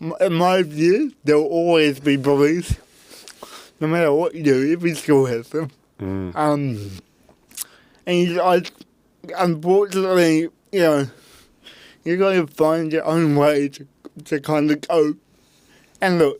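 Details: Adult man with cerebral palsy; his parents were told at birth he would never walk or talk; intensive therapy from birth to age six for walking and talking; used a walking frame at school; dysarthria.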